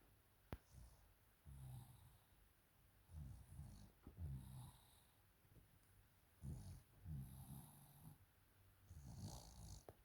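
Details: Soft, low snoring and snorting with each breath about every two to three seconds as a girl of school age sleeps in a quiet room; she has a cough only, with no runny nose and no fever.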